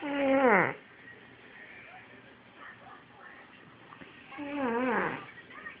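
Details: Snoring from a sleeping child, loud enough to wake someone and first mistaken for a cat outside: two high, squeaky, falling whistle-like snores about four seconds apart over a quiet background.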